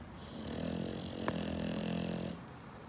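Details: Sleeping English bulldog snoring: a single long, rumbling snore on the in-breath with a brief snort partway through.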